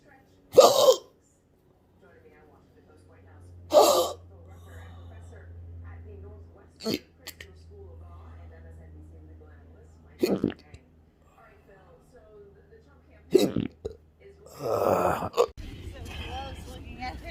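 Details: Six sharp hiccups in about 17 seconds, roughly 20 a minute, over low background hum, in a patient with intractable chronic hiccups since 2015 plus breathing and choking spasms and erratic stomach sphincter control: persistent hiccups.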